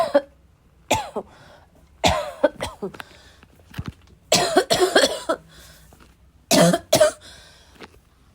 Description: A little wheezy, a little chesty… barking as always.